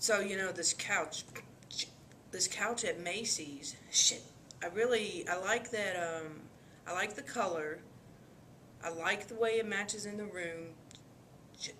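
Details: Acted female client example of coprolalia, as found in Tourette syndrome: involuntary vulgar or obscene verbal tics and grunts interrupting her speech; coprolalia.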